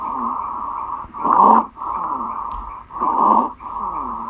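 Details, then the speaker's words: Pediatric respiratory exam teaching example: harsh high-pitched musical noise on each inspiration, about 33 breaths a minute, stridor from partial upper airway obstruction of the larynx, glottis or trachea. "A obstrução parcial das vias respiratórias superiores, como laringe, glote e traqueia, pode produzir um ruído inspiratório musical, que vem a ser o estridor."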